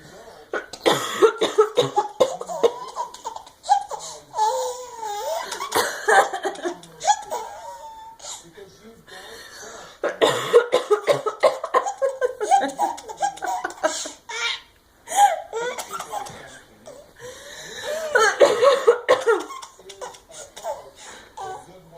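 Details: Mother's repeated dry coughs draw bursts of delighted giggling and laughter from her baby.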